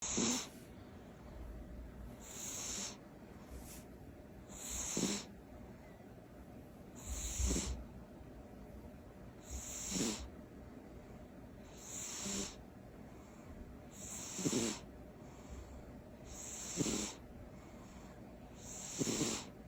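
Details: Sleeping cat snoring loudly and rhythmically, with a soft snort on each breath at about 25 breaths a minute.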